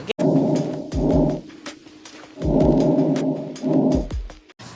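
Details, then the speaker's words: Normal vesicular breath sounds heard through a stethoscope: two smooth, soft rushing breath cycles with some handling noise, air moving in and out freely, lungs clear. "Maksudnya kita dengar udara itu masuk dan udara untuk keluar dalam keadaan lancar"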